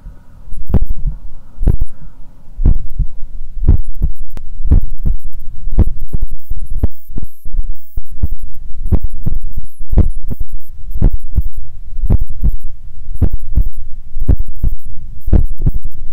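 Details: Heart sounds at the apex by stethoscope with the patient lying on the left side: loud, deep thumps at about 60 beats per minute, strong enough to distort.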